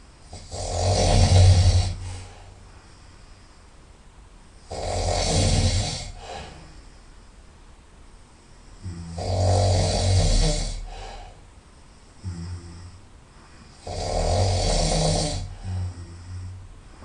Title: Very Loud Nasal snoring - 2